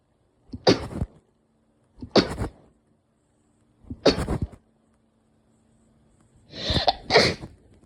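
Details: Four sneezes in quick succession, each a sharp burst with a short intake before it, the last with a double explosive release.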